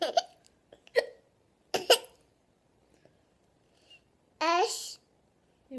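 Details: Hiccups: three short, sharp, voiced gulping sounds about a second apart, then a brief laugh-like vocal sound; repeated hiccups.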